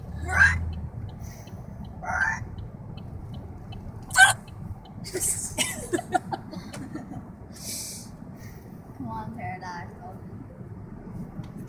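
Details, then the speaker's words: Repeated hiccups from a woman with a bad case of the hiccups after a birthday dinner, recorded while others laugh. "oh come on go away he's trying to record my hiccups what that's what she sounds like"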